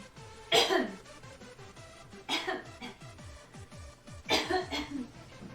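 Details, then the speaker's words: A young woman gives three harsh, forceful coughs in about five seconds, evenly spaced over faint background music, after saying she has a cough; a short coughing fit. "whoa sorry guys I'm coughing oh no"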